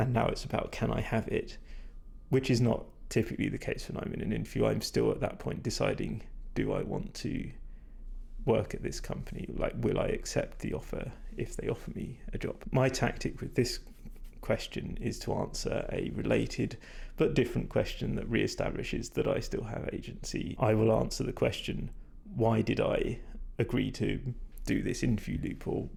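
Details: Adult man whose voice he says is degraded and stressed after prolonged talking without drinking enough; vocal fatigue.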